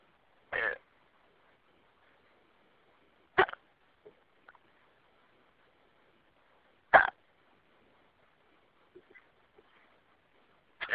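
Sharp, brief catches in the throat about every three seconds, four in eleven seconds, roughly 20 a minute: hiccups.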